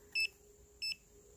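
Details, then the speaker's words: Contec CMS60D-Vet veterinary pulse oximeter on an adult human at rest, with two short high beeps about 0.65 s apart, one per heartbeat; it read a pulse of 85 and oxygen saturation of 98–99%. "So it's 85 for my pulse and 98, 99 for my pulse ox."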